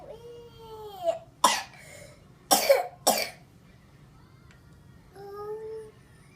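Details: Child singing, interrupted by three to four sharp, harsh cough bursts before the singing resumes.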